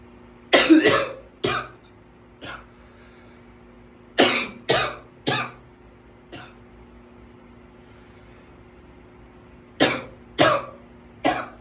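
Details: Runaway coughing attack: about ten harsh coughs in three clusters of two to three, with a few softer single coughs between; a prolonged coughing fit.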